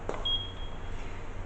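A single short, high electronic beep over a low room hum: the power-on tone of a transport ventilator starting up.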